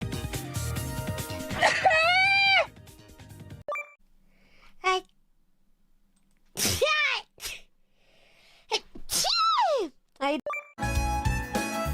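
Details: Sneezing compilation of VTuber streamers: several separate sneezes from different voices, some with a drawn-out rising intake before the burst, between stretches of background music.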